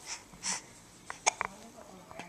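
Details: Young child sitting and babbling with a parent while having hiccups: quiet breaths followed by several short, abrupt catching sounds in quick succession; recorded on a Flip Video camcorder; hiccups.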